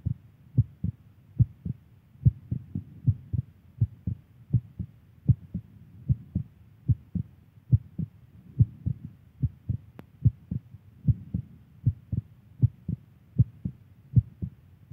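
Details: Adult woman's heartbeat: steady paired lub-dub heart sounds, about 73 beats a minute, regular rhythm; normal heartbeat.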